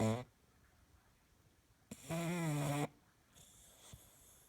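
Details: Bully-breed dog at night: one loud, deep, vibrating snore about a second long with quieter breathing around it; very loud snoring in a short-nosed dog.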